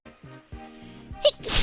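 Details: A sneeze during a live stream: a short voiced intake followed by a sharp, loud sneeze burst, over background music.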